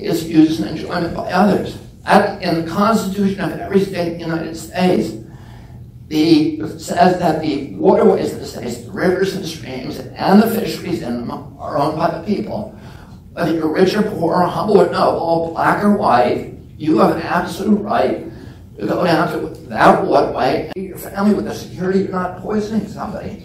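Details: Man with spasmodic dysphonia (spasmodic dystonia) since age 42, after a previously strong voice; voice trembles, the tremble lessens or goes away after speaking a while.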